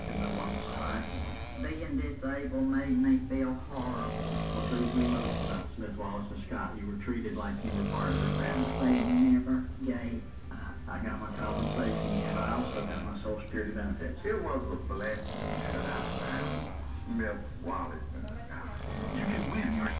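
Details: Snoring: loud, rough, rattling breaths repeat in a steady rhythm, with a little music in the background.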